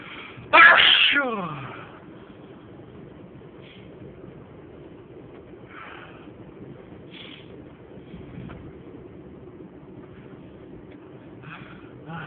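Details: One loud, unstifled sneeze with a sharp intake and explosive burst, then quiet room noise; a single sneeze.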